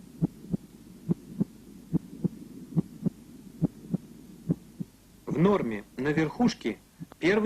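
Regular paired lub-dub heart sounds, about 70 a minute, first sound louder than second; normal apical heart sounds, followed by brief speech.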